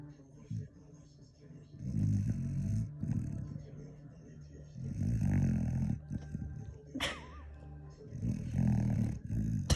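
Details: A dog snoring loudly with low, rattling snores in a steady rhythm, about one every three seconds, over faint background noise; snoring.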